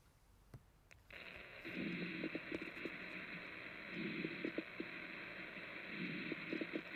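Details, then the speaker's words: Recorded breath sounds with repeated clusters of loud, low-pitched pops late in each breath: coarse crackles. "that popping at the end all right here we go again let me play it again for you and I'll try to make a visual when the crackles are happening"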